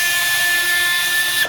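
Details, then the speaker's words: Powered surgical burr whining steadily as it cuts the medial and central trochlear tracks in a sawbones (simulated) patellofemoral joint replacement, during trochlear preparation. "And the same process is continued over the medial aspect where the bur is engaged into the slot down. Complete the central track. Let the bur run."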